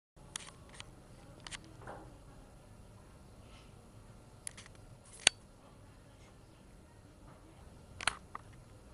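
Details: Cat sneezing: a few faint, very brief, sharp bursts in a quiet room.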